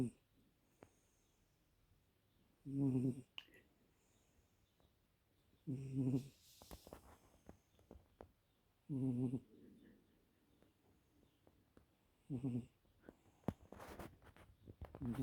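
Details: Snoring while relaxing at home: short, low, buzzing snores recur about every three seconds, roughly 19 a minute, with quiet pauses and faint room noise between.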